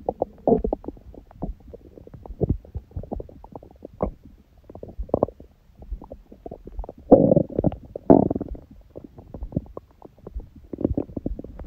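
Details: Bowel sounds recorded after a meal and after ab exercises on a raw-food diet, following a fast from 19:00 the previous day with a large first meal at 16:00: frequent gurgles, squelches and rumbles with louder bursts, active normal digestion.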